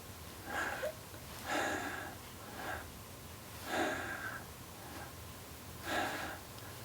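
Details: Normal breathing (abdominal-to-chest breathing demonstration).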